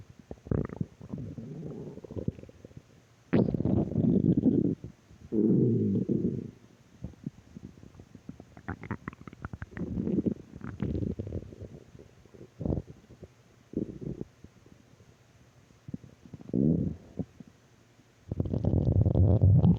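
Loud low gurgling and rumbling bursts of varying length, separated by quieter pauses: ordinary stomach growling from gas and fluid moving through the gut.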